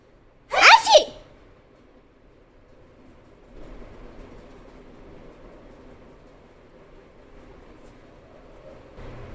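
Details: One sharp, two-part sneeze followed by quiet room noise, recorded with a bichon frise puppy reacting to the sneezing; a single ordinary sneeze.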